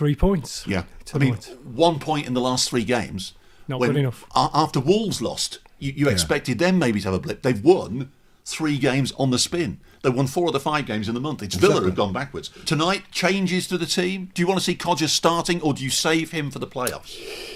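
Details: Adult male radio presenter; typical speech.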